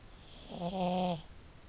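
A single low, buzzing, rattly snore on an inward breath, about half a second long, from a flat-faced dog in a quiet room.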